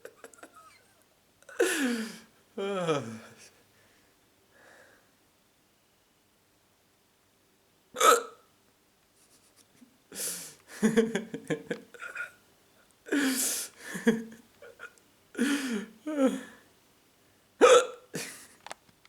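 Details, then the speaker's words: Person with hiccups, talking and drinking water to try to stop them: repeated sudden short voiced catches with gaps between, typical hiccups. "hiccups let's count to hiccups shall we i think it's okay oh i wish my hiccups will go"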